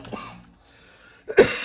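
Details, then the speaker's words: Adult coughing while still recovering from an illness of two weeks during freezing weather: cough. "As you can hear, getting over these bloody cough and that. It's yes, I don't. It's quite cold here at the moment where I am, and these freezing temperatures have not allowed me to get better too quick."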